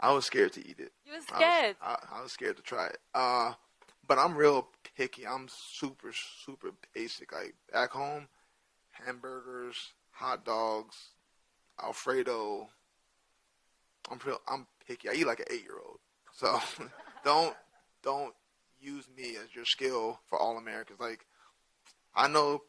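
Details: Stuttering in an adult man with a speech impediment since childhood; he says it is hereditary, that his father has one too, and that it is not caused by CTE; he says it took him until about age 27 or 28 to get over it.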